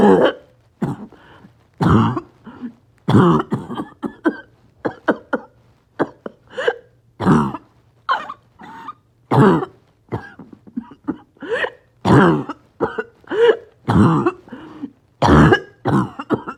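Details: Harsh, barking, choking coughs in back-to-back spells with little pause and extreme shortness of breath: a coughing spasm in a person with COPD and low oxygen.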